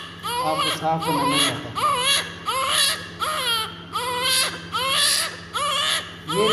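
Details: Repeated strong, high-pitched cry bursts with catches between them, about 80 a minute, from a 2-minute-old baby girl during cleaning of blood and vernix; a normal vigorous newborn cry.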